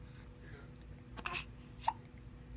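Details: Hiccups: two short, abrupt hiccup sounds about half a second apart over quiet room noise.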